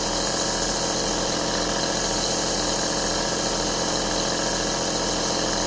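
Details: Steady mechanical hiss and hum with a fast rattling pulse: an aerosol compressor nebulizer running, recorded as relaxing sleep white noise.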